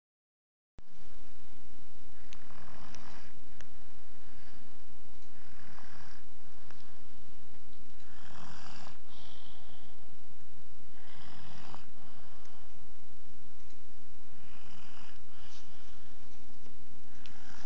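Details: Soft rasping breath sounds recurring every few seconds over a steady low hum; quiet snoring.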